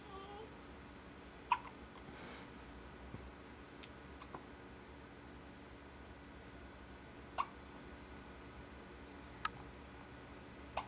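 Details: Awake baby with a few hiccups about 15 minutes after a feed: several soft, sharp hiccup clicks at irregular intervals over steady room hiss. Infant hiccups.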